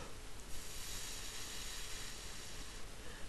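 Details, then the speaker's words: Adult with Bell's palsy (Ramsay Hunt), week 12, day 85 of recovery, unable to hold air in cheeks, demonstrates a steady breathy hiss of air escaping the lips from one-sided facial paralysis preventing a tight lip seal. "because i can't hold air in my cheeks i'll demonstrate this"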